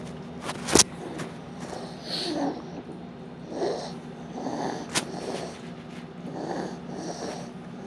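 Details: Infant with pneumonia: repeated rough, snorting, congested breaths, each harsh and noisy.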